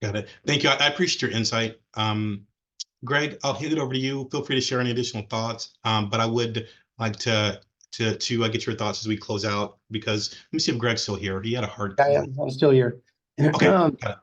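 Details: Adult male speakers, online panel discussion; Normal conversational speech.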